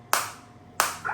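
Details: Biotronix focused (not radial) shockwave therapy handpiece demonstrated with frequency turned down to minimum: two sharp, loud snapping pulses about 0.7 seconds apart; shockwave therapy device pulses.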